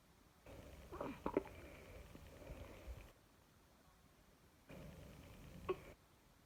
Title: Newborn having hiccups